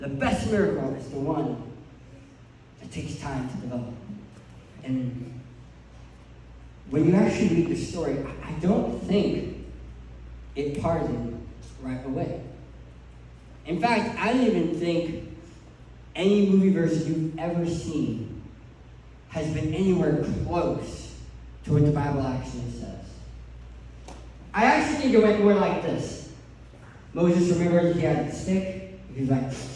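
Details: Adult man who lost 80% of his tongue to cancer, with a permanent articulation impairment after partial glossectomy.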